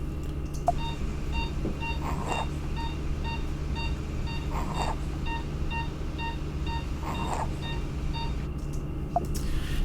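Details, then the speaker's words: Simulated child during inhalational mask induction of anesthesia, heart rate rising from 96 to 104: faint, harsh noisy breaths every few seconds under monitor beeps, subtle inspiratory stridor from airway obstruction, a concern for laryngospasm. "Now you can hear that noise in the background. It's a little subtle, but this is actually what's called inspiratory stridor. And what that means is that there is something that's blocking the free passage of air between the mask and the patient's lungs."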